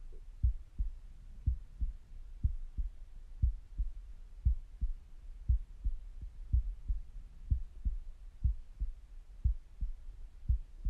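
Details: Resting heartbeat recorded through a stethoscope: regular paired low thumps at about 58 beats a minute with soft stomach gurgling in the background; normal heart sounds.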